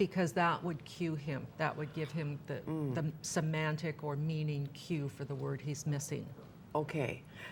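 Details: Adult woman speaking; typical speech.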